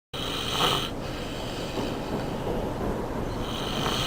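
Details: Person snoring with loud, continuous, harsh rasping, fluttering breath noise throughout; snoring.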